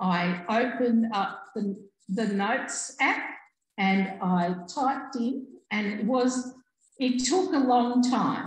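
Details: Adult woman, real stroke survivor, stroke in August 2020; initially could only say "um"; regained simple communication by about week two; residual word-finding difficulty and delayed speech output persist; aphasia after stroke.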